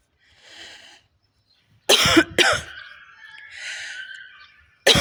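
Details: Woman coughing repeatedly while smoking a cigarette: a few harsh, loose coughs between exhaled breaths.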